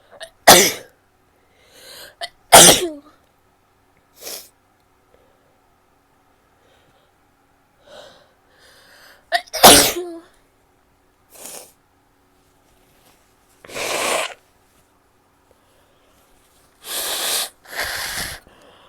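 A series of loud, explosive sneezes with a few softer coughs and nose-blowing sounds between them; repeated sneezing.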